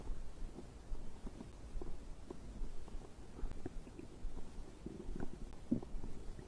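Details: Soft low gurgles and small bubbling pops over a quiet hiss, recorded from the stomach during digestion after drinking a beverage; normal bowel sounds.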